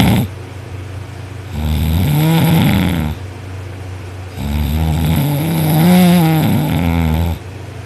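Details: Heavy snoring in a person asleep on their back with arm over head after a long workday: loud, harsh snores on each breath in, droning rising and falling pitch, about two breaths.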